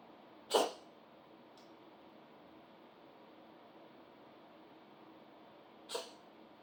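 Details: Some allergies; two short, sharp sneezes about five seconds apart against a steady background hiss. Sneezing.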